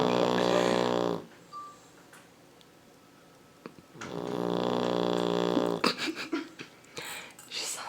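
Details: Sleeping Labrador puppy snoring, first mistaken for a passing motorcycle: a loud, rough, buzzing snore on the in-breath, followed by quieter breaths and faint rustling.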